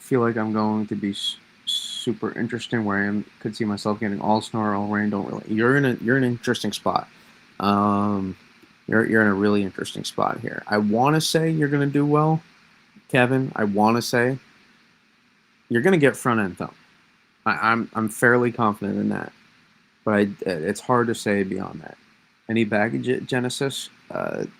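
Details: Lifelong stuttering in an adult man, self-reported as worse when discussing certain topics; part-word and whole-word repetitions; stuttering.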